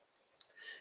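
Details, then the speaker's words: Single sharp, dry jaw click followed by faint hiss in a quiet room: temporomandibular joint click as the mandibular condyle meets an anteriorly displaced articular disc on mouth opening and closing, anterior disc displacement with reduction. "isso acontece e o disco está anteriorizado, a cabeça da mandíbula toca nesse disco articular e dá o som de estalo."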